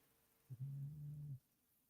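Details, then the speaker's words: Female dog, described as a very loud snorer, snoring during a live chat: a single low, steady, droning snore lasting about a second over quiet room noise. "Who the fuck is snoring? My dog. Oh, okay. Not me."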